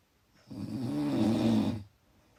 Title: Loud Snoring